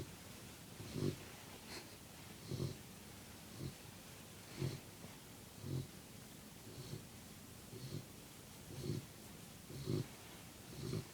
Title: Puppy Snoring 4